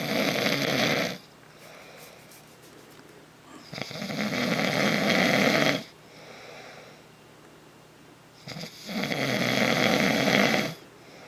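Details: An adult man who denies snoring, recorded asleep by his partner of 8 years: three loud, rough, rattling inbreaths about every four seconds, roughly 13 a minute, with quiet exhalations between; steady, heavy snoring.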